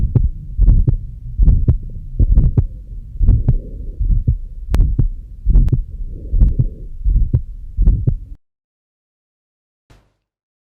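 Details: Mixed mitral stenosis and regurgitation murmurs.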